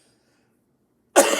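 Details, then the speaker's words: Adult singer with a bronchial chest infection and thick, heavy mucus on the vocal cords: a single short, forceful wet cough after silence. Wet cough. "now the impact of the mucus and also the viscosity of the mucus this stuff is not what your body normally makes this is gunk it's thick it's heavy"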